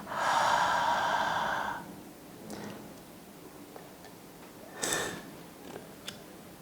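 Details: Long hissing breath through a mouthpiece, then quiet breathing and clicks: a child's short-acting beta2 agonist (salbutamol) inhaler taken through a spacer, second puff after re-warming and shaking, asthma inhaler technique demonstration.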